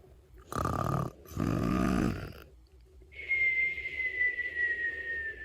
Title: My funny snoring sound